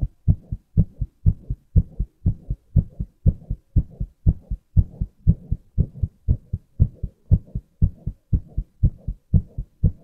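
Steady lub-dub heartbeat at about 60 beats a minute, paired thumps evenly spaced.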